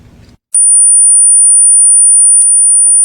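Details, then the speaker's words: Steady, very high-pitched smoke alarm tone following brief speech, played as a test of whether listeners can hear it, since many older adults have high-frequency hearing loss; smoke alarm tone. "you hear that if not you may be at risk in the event of a fire approximately 40 percent of Americans over the age of 65 suffer from high frequency hearing loss"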